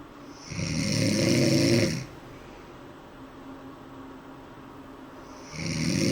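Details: Two loud, rough, low inhaled rattles separated by a quiet pause; snoring during sleep.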